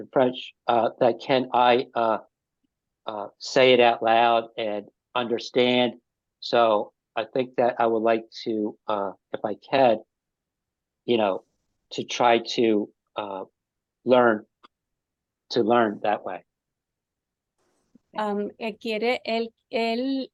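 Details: Adult man with aphasia after an ischemic stroke five years earlier, speaking haltingly with frequent pauses and fillers; aphasia after stroke.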